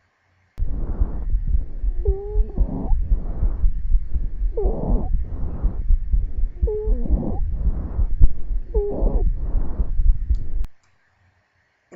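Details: Child's chest heard through a stethoscope during a pediatric respiratory assessment: rapid breathing with a high musical whistle on four breaths over about ten seconds; wheeze.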